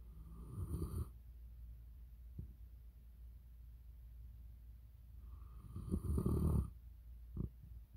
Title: Italian mastiff snoring